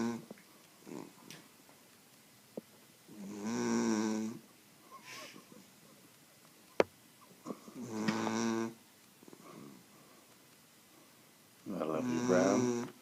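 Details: Three loud rattling snores on breaths in, with quieter breaths between, about 14 breaths a minute; ordinary snoring during sleep.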